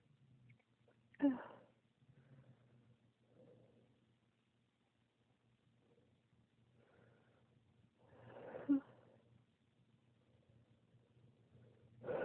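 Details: Sneezing spell that occurs when the toes get cold after getting out of bed without socks: two forceful sneezes, the second after an audible indrawn build-up breath, quiet room.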